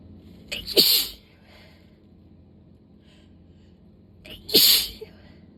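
Two loud, sharp sneezes a few seconds apart, each with a quick intake before the burst, part of a sneezing fit.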